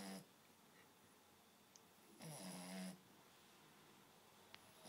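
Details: Sleeping 8-week-old female American Staffordshire Terrier puppy makes two brief, rough snoring breaths, one at the start and a longer one midway, with quiet room noise between; snoring.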